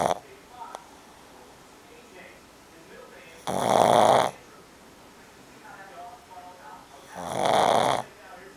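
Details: Two loud, rough snoring breaths in about eight seconds, with quieter breathing between, from a sleeping pug; snoring.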